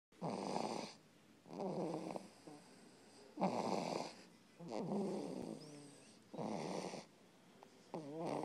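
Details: Rhythmic rattling snores on the in-breath, about five in eight seconds, with quieter breathing between them; ordinary snoring.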